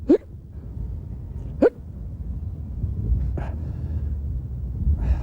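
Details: Adult man's hiccups in a Candid Camera prank, possibly feigned: sharp hiccup sounds repeating about every one and a half seconds over a low rumbling background.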